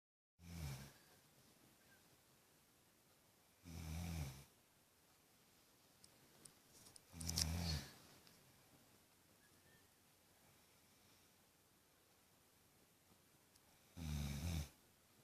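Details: Adult woman (mum) snoring loudly: four loud, low rumbling snores, each about a second long, roughly 3–4 seconds apart in a quiet room; loud snoring.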